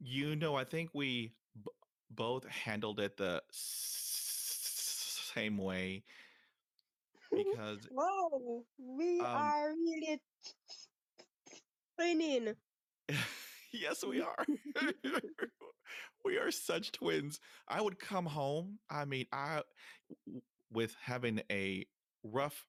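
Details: 23-year-old Jamaican woman who has stuttered (stammered) since about age six, with father and sister who also stutter and no speech therapy ever; part-word and whole-word repetitions audible; stuttering.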